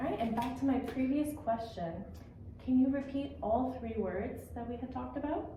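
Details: Adult woman speaking (clinician); typical speech.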